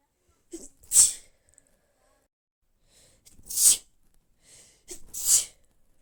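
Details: Three hissing sneezes in a quiet room, each preceded by a quick in-breath, a run of sneezes from a person who says she is feeling unwell.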